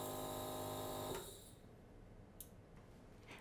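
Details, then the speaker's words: Home nebulizer compressor run for a few seconds with rinsed cup reattached to clear leftover medicine during cleaning: steady mechanical hum and buzz stopping after about a second; nebulizer compressor running. "REATTACH THE CUP TO THE NEBULIZER TUBE, AND RUN THE COMPRESSOR FOR A FEW SECONDS TO REMOVE ANY LEFTOVER MEDICINE."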